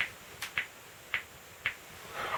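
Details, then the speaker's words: Four sharp, dry clicks from a rolled wrist, joint cracking, with faint rustling at the end; in a person with Tourette's who rolls wrists as a tic, and the cracking hurts. "don't think think my wrist is supposed to make that noise that that kind of hurts I should probably see a doctor about that"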